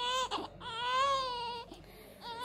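High-pitched, tonal newborn cry in repeated wails with brief catches of breath between them; an ordinary vigorous infant cry.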